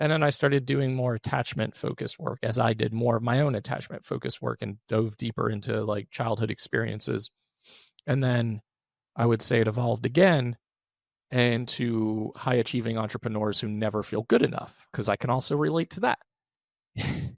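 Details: Adult male with one vocal cord paralysed by open throat surgery for a rare chronic recurring throat condition, after endoscopic surgery in 2021 and recurrence within 4 months; voice improved but still vocal fry, tires daily; finding: unilateral vocal cord paralysis.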